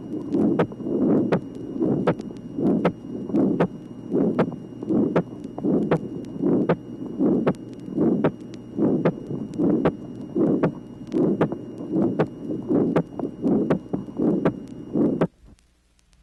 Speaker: tracing number 17 ejection murmur in a patient with a low pulmonary valve pressure gradient the second sound is not split as is the case in inter atrial septal defect